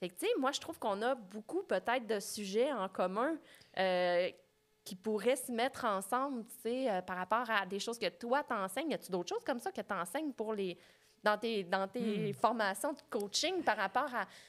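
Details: Adult woman speaking French; normal speech.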